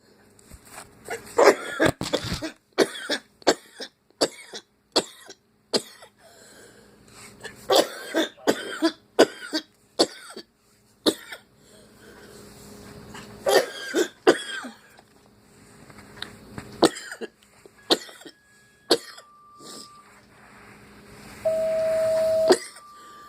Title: Decided to record some of this coughing fit